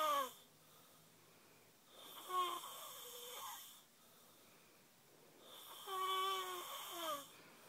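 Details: Snoring: loud, whistling, rattling snores every few seconds, about three breaths heard; noisy snoring during sleep.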